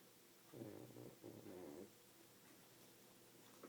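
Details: Sleeping pug snoring loudly: rattling, fluttering breaths through the nose and throat.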